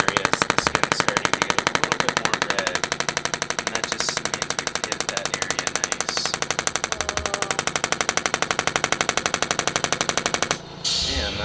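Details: Shockwave therapy on top of the shoulder, treated bilaterally, with a medium-depth red tip near the end of one side's roughly 2,000 pulses: fast, steady jackhammer-like tapping about four pulses a second, then stopping.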